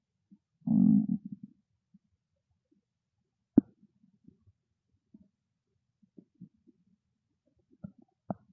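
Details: Hungry stomach growling: a short gurgling growl followed by scattered soft pops and gurgles; normal bowel sounds (borborygmi).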